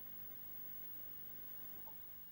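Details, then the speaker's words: Simulated severe to profound hearing loss applied to a French spoken story passage, where no understandable message gets through; illustrates a deaf child's listening experience in class. "On remarque la difficulté de compréhension à partir du moment où il y a une intensité de perte importante, puisque dans les cas des surdités sévères et profondes, absolument aucun message compréhensible ne passe."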